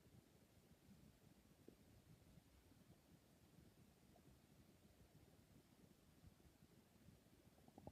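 Continuous low, gurgling rumble of an adult's stomach growling, with ordinary active bowel sounds.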